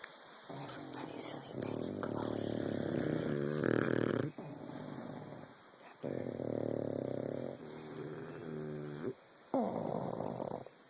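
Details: Loud, rough, rattling snoring breaths in and out, a few seconds each and repeating, from sleeping pugs and a bulldog.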